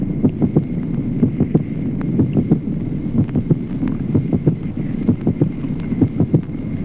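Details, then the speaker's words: Steady heartbeat about 60 a minute with a manifest, constant splitting of the second heart sound in left bundle branch block, teaching auscultation example. "Ejemplo undécimo. Duplicación del segundo ruido cardíaco en el bloqueo de rama izquierda. División manifiesta y constante del segundo"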